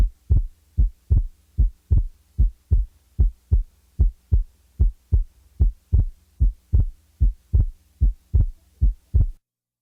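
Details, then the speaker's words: Heart sounds heard at the left base with the diaphragm chest piece; regular rhythm near 75 a minute, second sound split on inspiration and single on expiration: physiological split second heart sound. "the second sound will be split upon inspiration and usually will be heard as single on expiration the physiologic split second is heard best at base left with the diaphragm chest piece"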